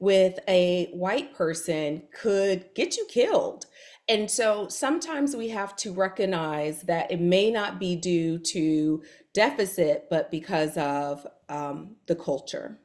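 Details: Adult woman speaking; typical speech.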